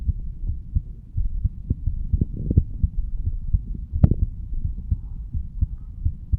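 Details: Heartbeat of a 35-year-old male standing up, recorded at the mitral (bicuspid) valve area: regular low thumps about 80 per minute with one sharp handling click; normal heart sounds.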